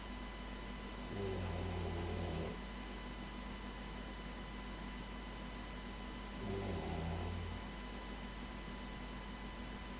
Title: loud snoring